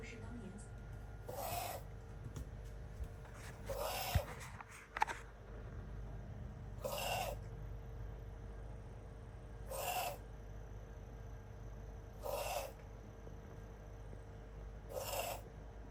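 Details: Pet named Brownie breathing noisily with steady, whistling breaths at about 22 a minute: wheezing.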